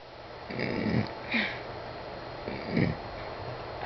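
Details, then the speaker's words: Person belching repeatedly for about a month; doctor thinks it is air swallowing or a compulsive habit, while the person wonders about acid reflux. Three or four low, guttural bursts of air from the throat in a quiet room. "I've been burping for about a month now I'm not sure why but my primary care doctor seems to think it's all in my head and it's some kind of compulsive disorder type thing"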